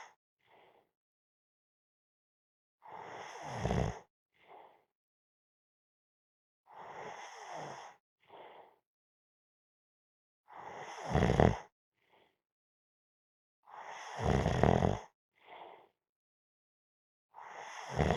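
Rough, rattling breaths in and out during sleep, about 10 breaths a minute, each in-breath a loud rasping snore; ordinary snoring.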